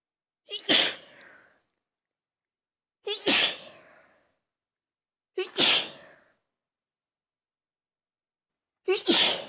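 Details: Sneezing fit after using chhinkni sneezing powder following a long break: four loud, explosive sneezes in quick succession, each preceded by a sharp intake of breath.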